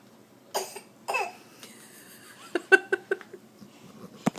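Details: Child gives two deliberate, forced voluntary coughs to earn a cough drop, then breaks into a short run of giggling laughter.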